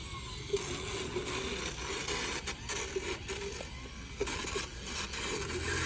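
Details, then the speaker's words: Grinding, scraping motor noise in bursts as a Dremel-like power float files sharp points off an older, lightly sedated rescue horse's teeth, points that were going into her gums. "this is the float which is basically a Dremel to wear down the sharp edges of her teeth"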